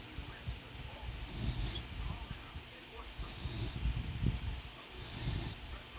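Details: Raina, a sleeping animal, snoring: regular low rumbling breaths with a soft hissing edge, about three in six seconds.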